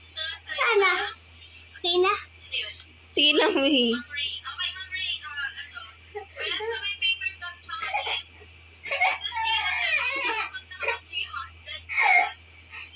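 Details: Baby crying: bursts of high-pitched fussy crying and whimpering broken by short pauses, over a steady low background hum.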